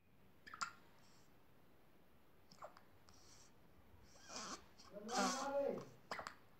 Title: Cutest baby having hiccups 😘😘